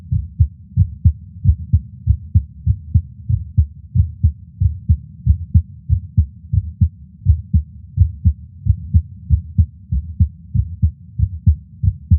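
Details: Adult's own heart at rest, heartbeat audio recorded separately from an echocardiogram: steady, regular low thumping with no added noises, a normal heartbeat.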